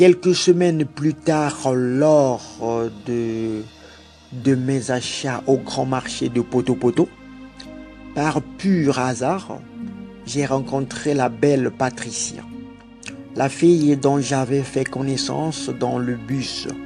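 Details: Adult French-speaking man who has stuttered since childhood, had several months of therapy as an adult, and still stutters occasionally; stuttering.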